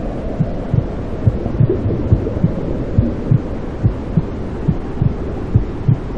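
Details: Steady, low, muffled thumping at about 70 a minute over a constant whooshing hum, like the mother's heartbeat and blood flow heard from inside the womb, played to soothe newborns; intrauterine sounds with maternal heartbeat.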